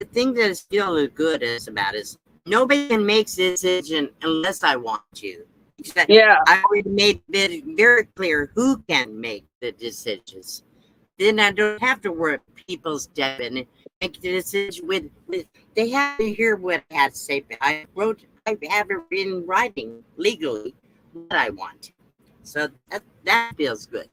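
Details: Adult woman with aphasia after her second stroke, real; no facial or limb paralysis, loss of speech and cognitive effects; speech remains impaired with repetitions and word-finding difficulty; aphasia after stroke.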